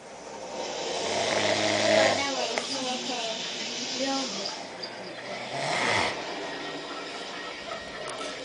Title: random person snoring